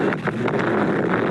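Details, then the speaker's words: Loud, steady rushing whoosh like wind or flowing water, about 14 seconds long: a recording of objective pulsatile tinnitus, an audible vascular sound. "this is a whooshing recording provided by dr cismanas actually um it's about 14 seconds and again it's a little bit loud"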